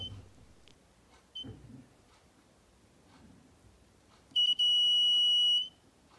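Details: A high electronic beep, then a sustained tone, from a homemade pulse sensor circuit built on an LM358 op-amp with sound and LED indicator, responding to a fingertip placed on the sensor; background room noise.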